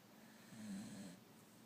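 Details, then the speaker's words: A sleeping male dog: one brief, soft, rattling snore on an in-breath against low room noise, then the snoring stops: ordinary snoring. "just snoring. Now he stopped. He was a good snorer too."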